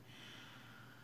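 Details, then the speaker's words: A husband napping in a quiet room snores in the background, with faint, low, rough snort-like breathing. "hubby had to uh i hope y'all can't hear it in the background but he's snoring away"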